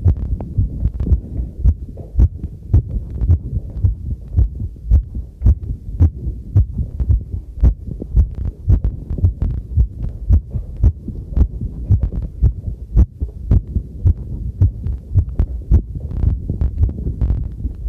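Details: Own heartbeat, first trial of a new field stethoscope microphone, recorded while doing housework: steady low thumping at roughly 110 beats a minute, with tap water running and tableware clinking; normal heartbeat.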